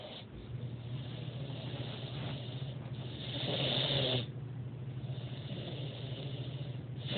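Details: Someone snoring while asleep.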